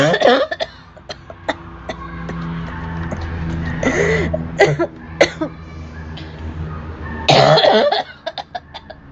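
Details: Repeated short coughs and throat clearing with soft music in the background, from a cough compilation recording.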